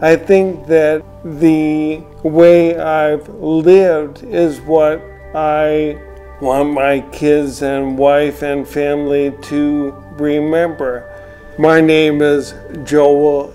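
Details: Retired male physician diagnosed with ALS in 2016, speaking about six years after diagnosis; dysarthria due to ALS.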